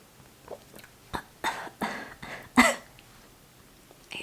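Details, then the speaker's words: Cough after a drink (a caramel latte) went down the wrong pipe: a short run of about five sharp, spontaneous coughs in a quiet room. "coughing did you hear that little bubble in my throat that went down the wrong pipe"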